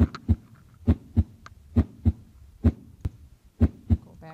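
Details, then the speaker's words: Normal heart sounds (S1 and S2), lub-dup, played with a valve animation in an anatomy and physiology lecture: AV valves closing as ventricles contract, then tighter semilunar valve closure as they relax. "they just have a a tighter closing sound it's a dup so it's love du up led up so let's listen to that and we'll look at the valves"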